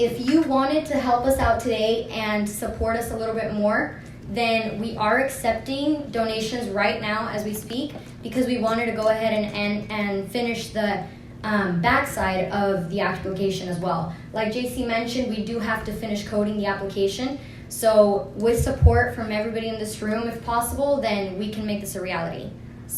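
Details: Adult woman speaking; ordinary speech.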